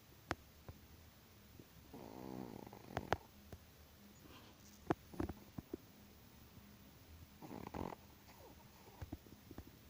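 Two rough, fluttering inhaled snores about six seconds apart, mixed with soft clicks and rustles in a quiet room; snoring in a sleeping small dog.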